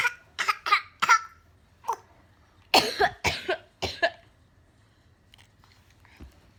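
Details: 10-month-old baby imitating his mother's coughing: short bursts of coughing in a quiet room, with some adult coughs mixed in.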